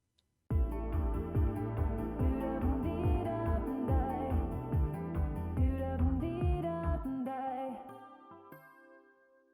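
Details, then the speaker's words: Simulated noise-induced hearing loss after 5–9 years of exposure to 100 dB noise: soft instrumental music sounding muffled and dull. "이제 확연하게 차이가 좀 느껴지시죠? 그럼 이번에는 15년에서 19년 정도 노출된 경우입니다. 네, 아까보다 확실히 청력 손상이 이제 점점점 더 느껴지시죠?"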